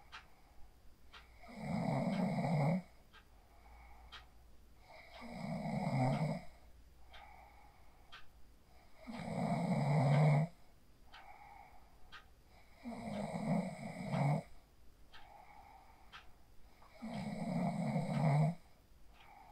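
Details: Phone recording of a person asleep after practicing the 4-7-8 breathing technique: loud, regular, low rattling snores on each breath, about 15 a minute, with quiet exhalations between; sleep snoring.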